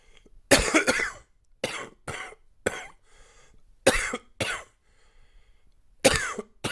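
About seven loose, rattly coughs in clusters with quiet pauses; a chesty, wet cough from a cold with congestion.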